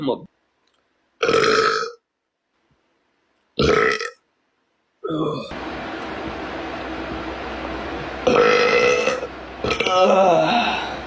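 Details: Boy gaming, burping: several loud, drawn-out burps followed by talking and background noise.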